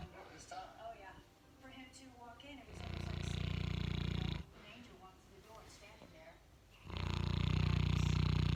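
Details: Boerboel (mastiff) snoring during a relaxing afternoon nap: two loud, prolonged low rumbling snores with quieter breathing between, heavy snoring in a large dog.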